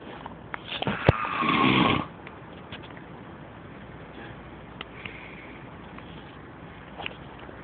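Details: A person snoring while at work: one loud, harsh rasping snore of about a second, then quiet room noise with faint clicks; snoring.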